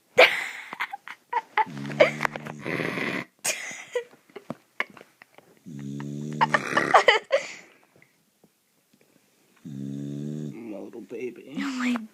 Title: My dog snores so loud!!